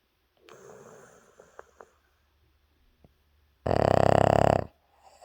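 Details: Puppy, very tired after a rough day of playing, asleep: soft breathing noises, then one loud, buzzing, rattling snore lasting about a second; snoring.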